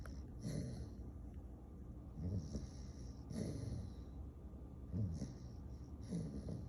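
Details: A dog snores with low rumbling, snorting breaths recurring irregularly, roughly every two to three seconds, with soft noisy exhalations between.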